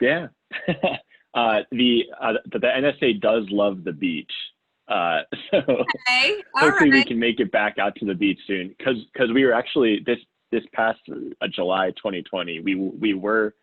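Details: Self-identified person who stutters; the speaker says listeners can hear the stuttering in their pauses and repetitions. Finding: stuttering.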